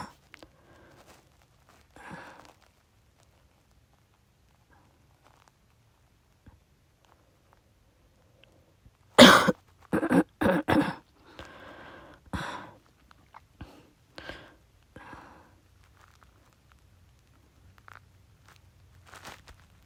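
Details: Adult with COVID-19 on day 4 after testing positive: several harsh, forceful coughs in quick succession, then softer coughs and throat sounds.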